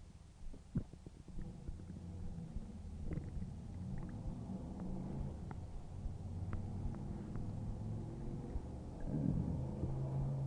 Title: stomach growling 6